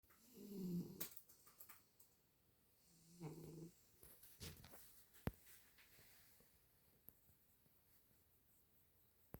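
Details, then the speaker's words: Sleeping cat snoring: two soft, low, rumbling breath sounds a few seconds apart in a quiet room. "he noticed God damn it keep snoring cat it's too cute my goodness very adorable"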